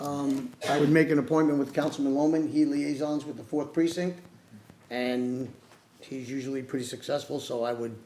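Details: Adult speaker; Normal voice.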